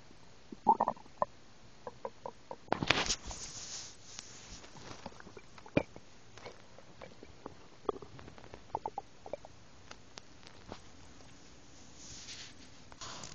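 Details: Stomach growling after swallowing hard candy whole: irregular gurgling, squelching and bubbling abdominal noises with brief louder rumbles over quiet background hiss.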